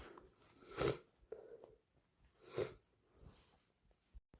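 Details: Sneezing with a cold: two loud sudden sneeze-like bursts with sniffing and nasal noise between, messy snotty blows, in a quiet small room.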